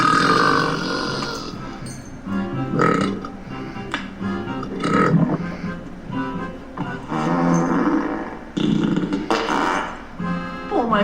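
Long, drawn-out belching sounds repeated over music, from a cartoon burping contest.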